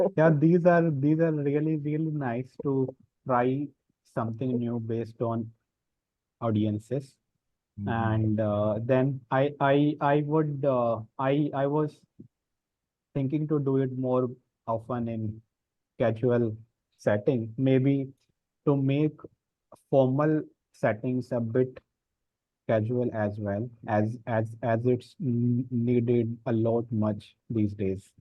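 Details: Real recording of an adult man who stammers and says he repeats sounds and gets stuck, speaking in a stammering self-help practice group; stammering.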